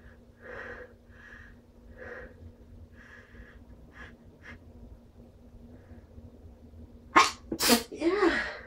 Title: strong sneezes with buildups